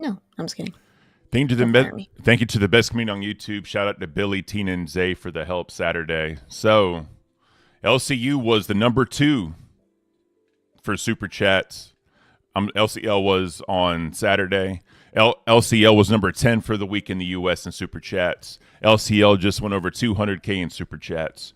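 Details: Adult male speaker; Normal conversational speech.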